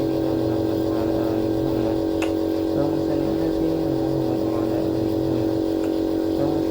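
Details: Nebulizer compressor running for Maryam, given a nebulizer treatment because of a cough; steady mechanical hum throughout, with faint voices and room noise behind it.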